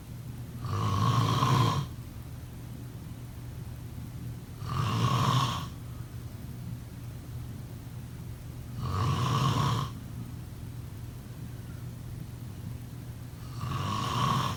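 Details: Low rumbling snores with a buzzing edge, about 15 a minute, separated by quiet pauses against faint room hiss: snoring during sleep.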